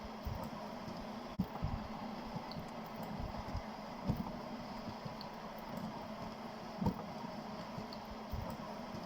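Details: Simple mechanical ventilator that replaces manual bagging by a nurse: steady motor hum with a regular mechanical click about every 2.7 seconds as it cycles.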